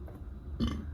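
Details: A woman eating during a mukbang gives a single short, low, small burp after a moment of quiet; belching while eating.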